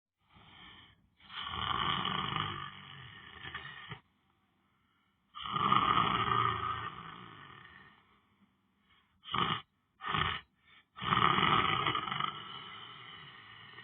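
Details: Person lying on the floor asleep: long, rough, buzzing snores alternating with silent gaps and a few short snorts; snoring.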